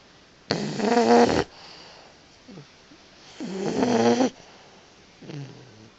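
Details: Boxer puppy snoring during a nap: loud, rattling snores on each in-breath about every three seconds, with quieter out-breaths between; snoring.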